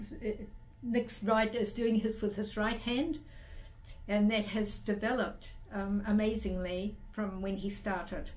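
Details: Adult woman speaking; no speech disorder.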